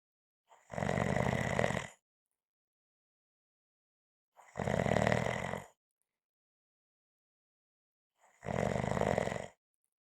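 Three loud, rough snores with silent gaps, about one every four seconds: regular snoring.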